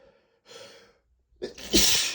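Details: Adult sneezing repeatedly after dusting books on a bookshelf triggered an allergy flare: a soft in-breath, a pause, then a forceful hissing sneeze, one in an ongoing bout; sneezing.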